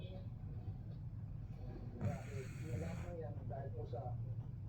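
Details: Snoring during sleep: a low rumbling snore over steady room noise, with a louder, harsh snoring breath near the middle.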